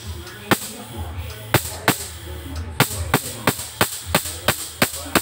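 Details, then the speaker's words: Laser tattoo removal on a very dark tattoo on the front of a young, beardless boy's hand, who is scared: sharp snapping cracks about three per second; tattoo-removal laser pulses. "शुरुआत में जो sound है उससे डर लगता है पता नहीं कितना होगा कितना नहीं होगा"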